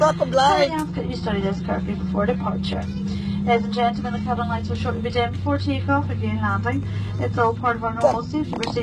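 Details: Adult flight attendant over aircraft public address, cabin engine noise; cabin crew safety announcement.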